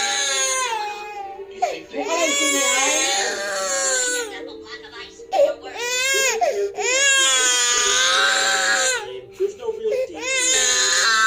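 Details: Infant crying: long, loud, high-pitched wails with brief catches of breath between them.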